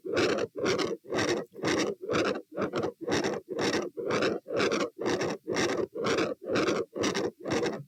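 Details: Heart sounds recorded at the aortic area (position A) with the patient standing: a harsh, rumbling murmur swells with each beat and nearly fills the cycle at about 120 a minute. This is a continuous machinery murmur.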